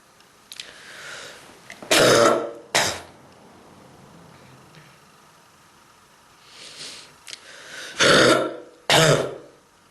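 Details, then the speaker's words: Cough in a person with severe bronchitis and throat and chest pain: two pairs of harsh, forceful chesty coughs with breaths drawn in between. "Pain on my throat and on my chest because of this strong bronchitis."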